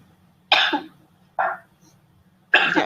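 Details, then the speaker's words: Three harsh, abrupt, involuntary coughs in a quiet room from a crowdsourced recording labelled COVID-19 positive, suggesting a real respiratory condition rather than a forced cough; cough in COVID-19. "that one you can you can tell there's something wrong there they're not forcing themselves to cough there's actually uh some kind of respiratory condition going on"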